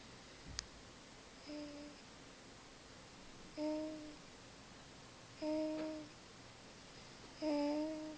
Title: Cutest snoring sounds ever... Listen